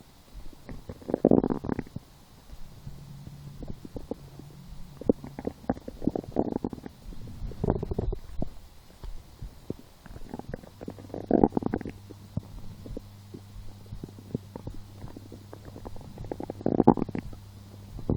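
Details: Stomach growling while lying down, felt as hunger after skipping breakfast, a small lunch and two doughnuts four hours later: intermittent gurgling rumbles with low drawn-out growls between; borborygmi.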